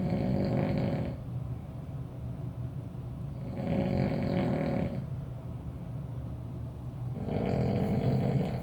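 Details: Uncle snoring loudly in a shared room, keeping the roommate awake: low rumbling snores on each in-breath, about 14 breaths a minute, with quieter out-breaths; ordinary snoring.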